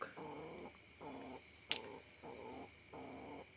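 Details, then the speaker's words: Pigeon with cough, cold and snoring-type breathing, before treatment with a Tetra Chlor antibiotic: regular, rough, rattling breaths about every second over a faint steady background tone; respiratory rattle. "kali ini saya akan mengobati merpati saya yang terkena batuk"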